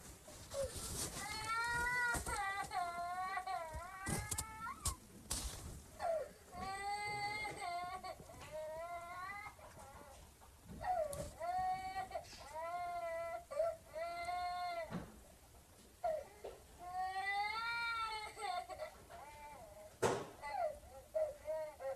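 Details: Infant crying from a sound-effects library recording: repeated drawn-out wails, each a rising then falling tonal cry, separated by brief breaths.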